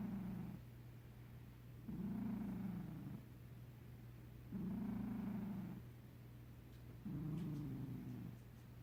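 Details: A sleeping cat gives purr-snoring: rhythmic low rumbling snores blended with purring, about 24 cycles a minute.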